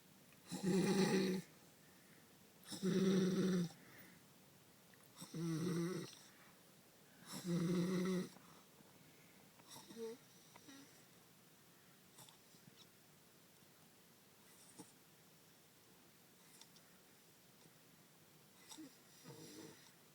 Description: Decided to take a clip of my cousin when he started snoring... he has some kind of sleep disorder and falls asleep anytime and anywhere, probably even if he was free falling from a plane.